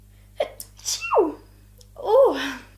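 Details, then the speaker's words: Adult woman sneezes twice: each sneeze a quick indrawn breath followed by a forceful voiced burst, quiet room; sneezing. "all the powder floating around in the air is making me sneeze just be careful when you open it"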